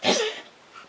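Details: A single short, harsh hacking cough from a cat, fading quickly into quiet room noise; the cat lowers its head while coughing and the owner presents it as a sick cat's cough.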